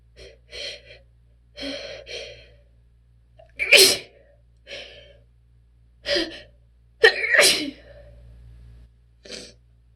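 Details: Strong sneezes with attempted holdbacks from a person with relentless allergies: gasping inhalations and about four forceful sneezes in ten seconds, a few stifled.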